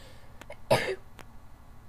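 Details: A single short, forceful cough or throat-clearing burst over faint room noise, during a sneezing attack with the window open and a need to blow the nose.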